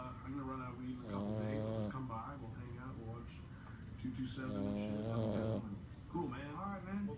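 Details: Rhythmic, loud snoring with a buzzing, voice-like quality in each breath from a sleeping merle French Bulldog puppy; snoring.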